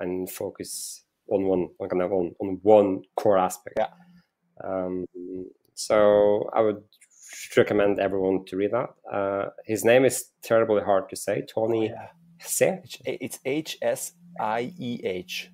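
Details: Stuttering in a male startup founder who says he stutters and that it can be heard in his speech.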